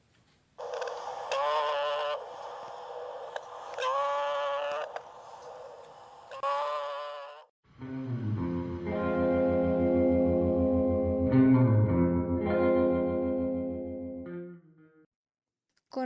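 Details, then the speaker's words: Stridor: loud, harsh, horn-like high-frequency noise, audible at a distance, from laryngeal obstruction such as closing vocal cords or a tracheal stenosis segment, heard after bleating egophony-like tones. "o estridor es un ruido de alta frecuencia que se debe a una obstrucción a nivel de la raring especialmente por compromiso de las cuerdas vocales que se cierran o una estenosis de un segmento de la traqueia"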